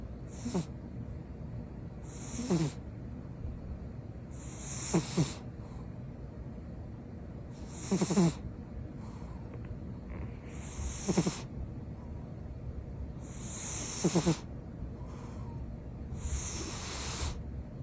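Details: Sleeping cat snoring loudly: rhythmic rattling snores about every three seconds, roughly 20 a minute, with hissing exhalations.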